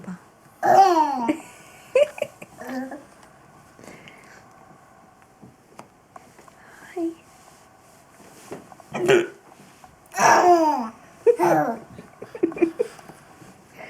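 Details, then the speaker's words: Hiccups in an adult father: several sharp, abrupt gulping sounds spaced irregularly, mixed with his baby's bursts of laughter and babbling. "what are you doing dad's got the hiccups oh"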